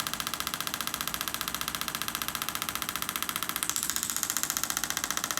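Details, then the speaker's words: Shockwave therapy on the heel (calcaneus) of a patient with years of chronic ankle pain after vehicle accidents, traumas and ankle fractures: rapid regular tapping pulses, about 128 a minute, whose tone shifts as the applicator passes over suspected scar tissue, adhesions or a heel spur. "So typically when I hear that shift in sound, I know that we're on some type of scar tissue or adhesions or bone spur or something like that."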